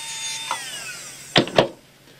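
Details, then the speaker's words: Brief dental handpiece whine winding down, then two short grinding bursts, gently smoothing a polycarbonate temporary crown (B-crown) after twisting off its size label, before occlusion check and temporary cementation. "now I would remove and just twist off the little label listing the size of the B crown and I will then gently just smooth it down a little bit"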